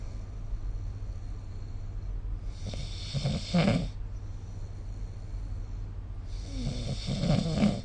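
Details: Snoring during sleep recorded with the SnoreLab phone app: two rough, rattling, vibrating snores about four seconds apart over a steady low hum of room noise.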